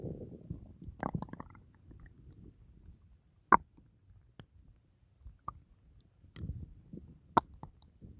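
Scattered gurgles, squelches and sharp pops from the belly in a quiet room; ordinary stomach noises after a meal.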